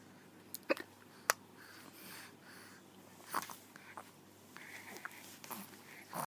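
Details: A mother and daughter hiccupping at the same time: brief, sharp, irregular catches of breath over background hum and faint voices.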